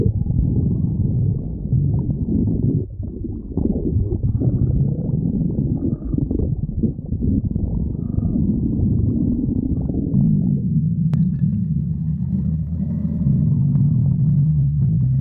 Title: Girlfriend stomach growling 2